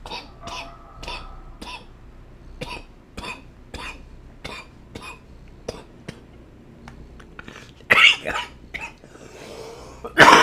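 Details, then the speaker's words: Dry coughing fit of short coughs ending in harsher, louder bursts, in an adult sick for about a week with an illness he says is passing; he mentions it hurt and reaches for a cough drop. "oh man that hurt oh did I mention I'm sick freak man oh I got a cough drop right here"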